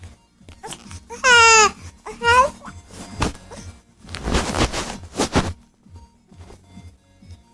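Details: Dog named Brendan makes wavering whining 'talking' sounds, then a few harsh, noisy coughing bursts in a small room; cough.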